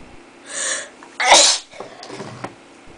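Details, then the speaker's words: Deliberately triggered sneeze, induced by tickling inside the nose with a rolled, twisted paper towel: quick hissing inhale, one loud explosive sneeze, then a softer trailing breath. "yeah mind that's not gonna work I'm just gonna keep sneezing sneezing yeah afterwards you start to cheer up man"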